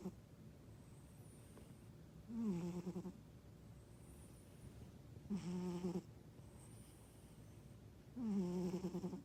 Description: I thought my husband was snoring, found out it was my cat !!